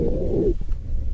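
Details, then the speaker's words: Rhonchi (dry rhonchi): a low-pitched, rumbling, snore-like added breath sound over the chest from mucus moving with air; often heard in pneumonia and bronchitis, usually clearing after coughing. "biasanya disebut dengan Ron key kering adalah bunyi nafas tambahan bernada rendah yang dihasilkan karena adanya pergerakan mukus atau cairan dengan udara yang lewat sehingga konsistensi mukus yang tidak Solid menyebabkan sedikit vibrasi sering terdengar pada neonomia dan bronkitis dan biasanya akan hilang Ketika batuk"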